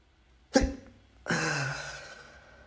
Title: another sneeze compilation (M)